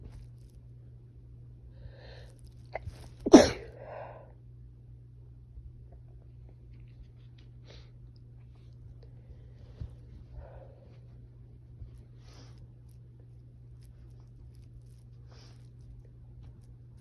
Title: I can’t stop sneezing :( | Allergies ~ spring Sneeze fit (F)